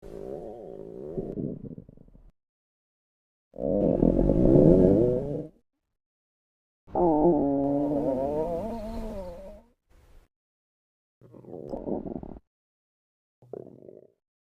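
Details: Free-to-use female stomach growling sound effect: several separate gurgling, groaning rumbles with wavering pitch, some long and some brief, typical of borborygmi.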